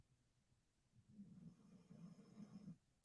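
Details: Snoring.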